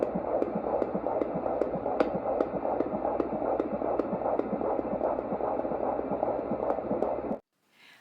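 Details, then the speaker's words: Rapid, regular whooshing fetal heartbeat on Doppler at a routine OB visit, about 20-22 weeks pregnant, 42-year-old mother, rate 156 beats a minute: normal fetal heart rate. "Baby's heartbeat was 156, and I will include a clip of that here."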